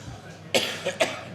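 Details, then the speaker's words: An adult who says they are sick and have been coughing a lot gives three short cough bursts, the middle one softer, against faint room noise. "I've been coughing my ass off. So if I stop to cough or blow my nose, you guys all have to forgive"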